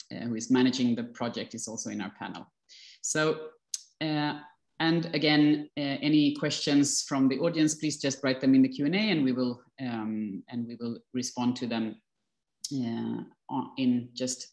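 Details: Adult speaker; normal fluent speech.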